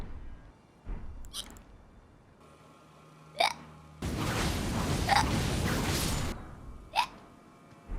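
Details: Hiccups from a female VTuber (Hololive EN) during an Elden Ring stream, clipped from the livestream.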